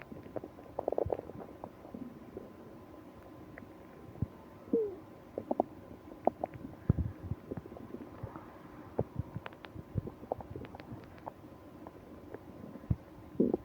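Scattered gurgles, squeaks and rumbles over a quiet background. These are bowel sounds, or stomach growling.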